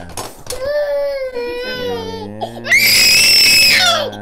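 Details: 18-month-old girl with walking and balance issues attributed to birth trauma, crying during a chiropractic session: whimpering, then breaking into a loud, high-pitched scream-cry; distressed crying.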